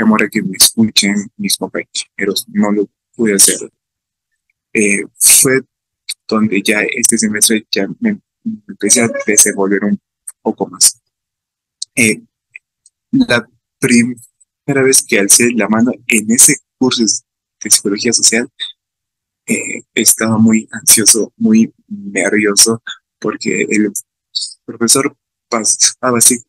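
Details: Adult man with real stuttering, speaking Spanish about his own experience, who reports fear of stuttering when participating in class; stuttering.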